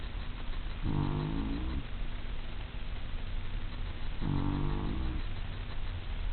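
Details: Two low, rumbling, fluttering snores about three seconds apart over steady background hum; snoring during sleep.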